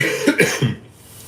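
A short burst of about three coughs from an adult, fading into room noise; cough from a lingering cold.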